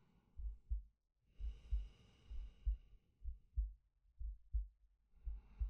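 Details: Male ASMR sleep-aid recording of steady paired heartbeats at about 65 a minute under slow, soft breaths in and out; calm, normal heartbeat with breathing.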